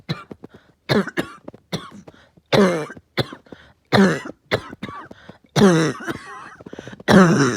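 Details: Uncontrollable, really bad barking cough at night in an adult: rapid run of about eleven harsh, loud, barking coughs with short gasps between them.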